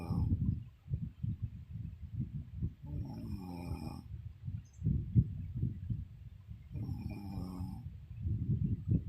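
Loud, low, rattling snores in repeated breath cycles, some with a rougher groaning quality; ordinary snoring during sleep.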